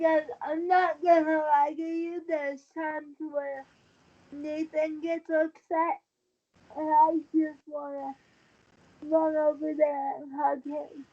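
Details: Dysarthria in a 23-year-old woman with cerebral palsy since birth, born premature at 27 weeks, a more advanced form affecting the brain's balance center; wheelchair user who links prematurity to her speech instability.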